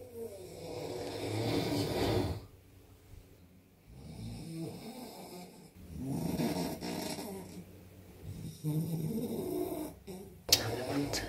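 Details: A newlywed husband snoring during sleep after a failed snoring surgery and failed CPAP and nasal dilator: loud, rough snores in repeated bursts with each breath, with brief quieter gaps.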